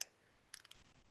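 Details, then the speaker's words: Glucometer activating as a test strip is inserted before a capillary finger-prick glucose test: a brief electronic beep and a few light clicks, then the meter prompts for the blood sample; normal device start-up. "Ahí está. y se activa, sale y nos va a empezar a poner un logotipo que dice que ya pongamos la muestra de sangre."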